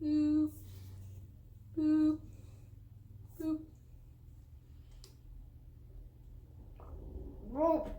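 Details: Woman with Tourette syndrome producing involuntary vocal tics, repeating "boop"; vocal tics.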